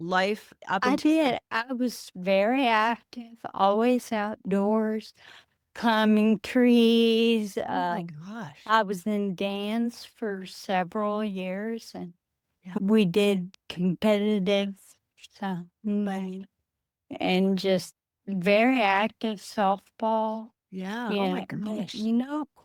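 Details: Adult woman with Friedreich's ataxia, a rare progressive neurodegenerative disease diagnosed at age 23, which she says affects her speech and can cause speech and swallowing difficulty; she uses a wheelchair. Finding: ataxic dysarthria.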